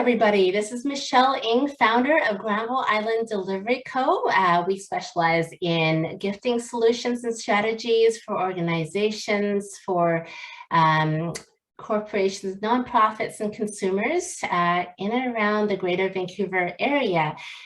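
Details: Adult woman speaking; normal voice.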